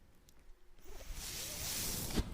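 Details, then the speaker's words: Mechanical ventilator of a podcaster speaking: quiet pause, then rising rush of airflow ending in a soft thump as the ventilator delivers a breath. "Okay. That noise you're hearing is my ventilator."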